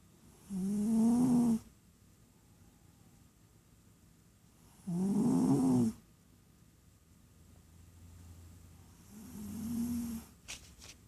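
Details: Slow, regular rumbling snores, about 14 a minute, with quiet pauses between them; ordinary snoring during sleep.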